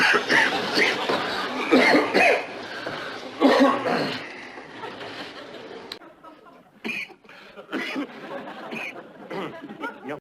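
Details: Acted coughing by an adult actor in a film scene: several rough coughing bursts with faint background noise, not a real patient.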